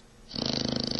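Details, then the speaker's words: Pet dog whose family complains of its snoring, filmed sleeping alone: after a quiet moment, a loud, rattling, fluttering snore on breathing in. "그런 거예요, 이거? 진짜 뽀뽀의 코 고는 소리. 진짜네요."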